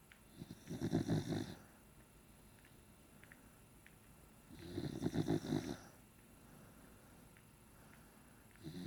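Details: A sleeping pet that the owner calls a baby panda gives two low, rattling snores about four seconds apart. Each has a faint whistly hiss, at about 15 breaths a minute. Snoring.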